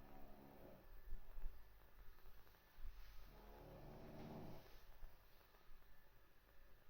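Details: Two deep, rattling, low-pitched snores on inward breaths, about three and a half seconds apart, in a quiet room; ordinary loud snoring.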